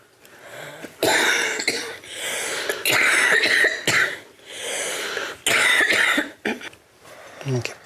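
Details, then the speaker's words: Airway-clearance physiotherapy in a patient with cystic fibrosis and continually congested lungs: forced fast, strong expirations with productive cough as the physiotherapist applies chest pressures to increase expiratory flow. "le but des pressions c'est d'augmenter son flux expiratoire auquel expirent en plus et mieux trois fois par semaine stéphane le kiné masse ses poumons ils sont continuellement encombre et"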